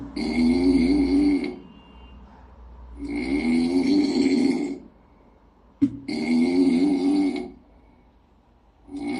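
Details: Rhythmic, buzzing snores from a sleeping kitten, about 21 a minute, with quiet pauses between.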